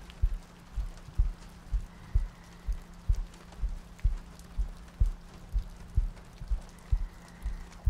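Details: ASMR sleep-aid audio loop: soft, regular low heartbeat thumps at about 62 beats a minute under steady rain ambience, with soft breathing; steady heartbeat.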